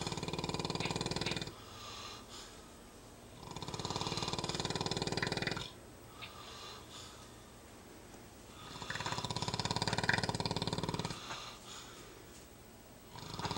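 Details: Napping: loud, rough snores about 2 seconds long alternating with quieter exhalations, about four breaths; ordinary snoring.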